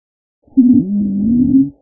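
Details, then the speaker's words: Biphasic stridor from subglottic extrathoracic airway obstruction, heard on inspiration and expiration without a stethoscope; continuous harsh grating tone with pitch shift, played slowed then sped up to real time. "in summary stridor is a high pitched continuous musical sound with a harsh grating quality it can occur during inspiration expiration or can be basic meaning that it occurs in both inspiration and expiration"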